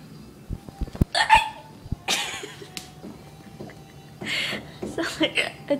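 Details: Person with hiccups: several sharp, abrupt voiced gulps at irregular intervals, with background noise and movement sounds; hiccups.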